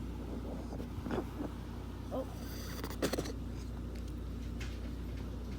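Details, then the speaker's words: Female cat that barely goes outside coughs and sneezes from time to time: a few brief, harsh bursts over a steady low hum; the owner wonders if it is a hairball and is unsure whether it could be asthma. "Like from time to time she'll just cough and sneeze, sort of like sort of like that sort of sound. Does anybody know what's happening?"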